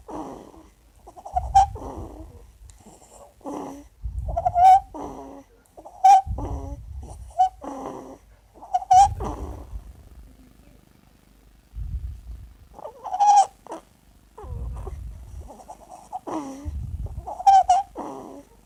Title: sleeping with stridor